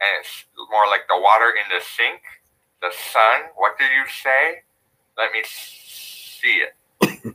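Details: Lateral lisp on the /s/ sound, demonstrated (simulated) by a speech therapist in contrast to a frontal lisp.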